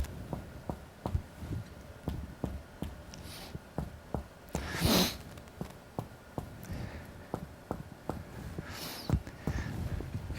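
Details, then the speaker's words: A series of dull taps from indirect finger-on-finger chest percussion, one finger between the ribs struck at the distal interphalangeal joint, on a muscular chest, giving a muted resonant note over normal lung during an examination demonstration. "the usual way is to use one one finger placed between the ribs and struck briskly at the distal inner phalangeal joint by the other finger to generate a sound wave into the chest which you appreciate by listening"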